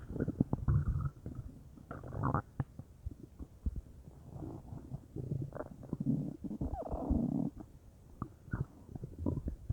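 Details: Bowel sounds (borborygmi); the person was unsure whether they came from stomach or intestines, with the whole belly feeling bubbly: low gurgling and bubbling rumbles with brief pops over about ten seconds.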